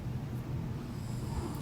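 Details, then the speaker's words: Pet dog snoring in the background during a makeup tutorial: a low, rough, rumbling noise. "do youall hear that snoring that's actually douie and if you're new here douge is my doggy"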